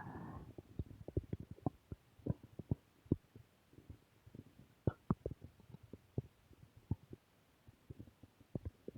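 Irregular low gurgles and soft pops from the abdomen over nine seconds: ordinary stomach growling, normal bowel sounds.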